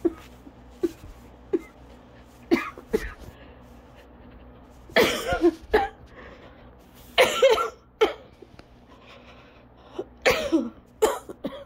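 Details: An asthmatic coughing fit lasting about 30 minutes, still ongoing, leaving the person lightheaded, dizzy and hard put to breathe normally, with laughter and 'I cannot stop' nearby.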